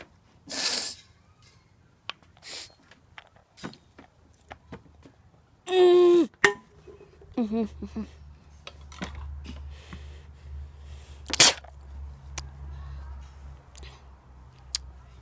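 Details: A single forceful sneeze with a sharp burst of air, from a person deliberately sneezing Dr Pepper out through the nose, who then says it really hurt the nostrils; quiet room noise and small sniffs.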